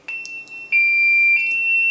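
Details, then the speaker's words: Test activation of a landline medical alert system's base station console, not cancelled, to check two-way voice: loud, shrill electronic alarm tones in bursts; the console says emergency six to seven times before reporting to the central station. "you don't need to stand right next to the system during this particular test because it's very loud and this speaker and microphone built into this base station console are highly sensitive the base console will say emergency about six to seven times before it reports to our Central Station"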